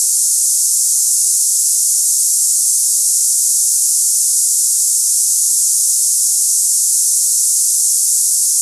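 Steady, high-pitched hissing buzz like cicadas, unchanging throughout: a simulation of hissing tinnitus for comparison.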